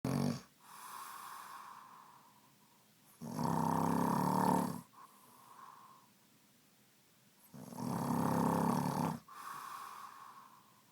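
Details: Adult man snoring while asleep, though he says he does not snore: loud, rough, rattling snores on each breath in and quieter breaths out, about 14 breaths a minute; habitual snoring.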